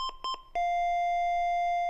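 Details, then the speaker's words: LIFEPAK 15 advisory alarm on a Rainbow sensor when SpCO exceeds 10% or SpMet exceeds 3%: three quick beeps, then a sustained steady tone as the elevated value flashes. "an alarm tone an advisory message and the elevated value starts flashing here instead of the spo2"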